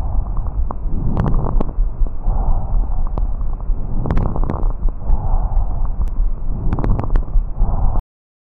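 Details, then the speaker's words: Pediatric teaching demonstration of fine crackles: brief fine crackling pops from mid to late inspiration, like hair rubbed near the ear or velcro opening, linked to pulmonary edema, pneumonia and fibrosis. "esse som ele vai aparecer como a ficção de cabelo próximo ao ouvido ou ao velcro abrindo ele pode ser auscultado do Meio para o final da inspiração e está relacionado à edema pulmonar pneumonia e fibrose E agora vocês poderão auscultar um estertor fino"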